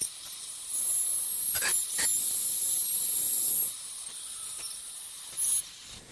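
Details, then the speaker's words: Ultrasonic piezoelectric bone saw making vertical and horizontal crestal osteotomies for sinus technique, about 5 mm distal to canine root, light sweeping motion; steady high-pitched hissing whine in bursts. "what's nice about this particular saw design that it that it has actually teeth cutting in vertical as well as the sagittal Direction so as again as with the sinus window osteotomy there's very little pressure just more of a sweeping motion"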